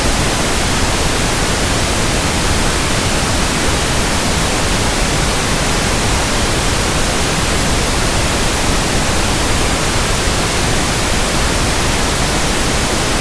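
Steady soft static, even across pitches, with no change throughout; pink noise used for matching persistent tinnitus.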